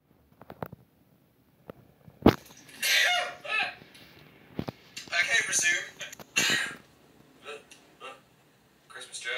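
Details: Sneezing: several sharp, hissing sneeze bursts mixed with clicks and brief vocal sounds.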